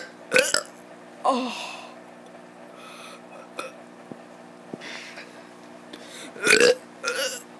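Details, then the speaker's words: Kid deliberately forcing burps: about four loud, rough burps with brief pauses and a steady background hum. "what is up i'm gonna be doing a burp video finally finally okay okay"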